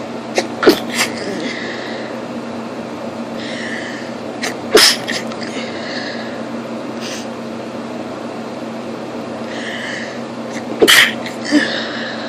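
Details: Three sharp, explosive sneezes a few seconds apart after opening the curtains, a photic (light-triggered) sneeze reflex, over steady room hum.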